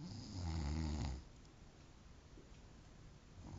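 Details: Snoring: a man, a friend, snoring on Christmas day; one loud, low, rumbling snore on the in-breath, then quiet breathing.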